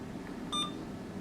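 A single short electronic beep in a quiet room, a keypad beep from an infusion pump being programmed.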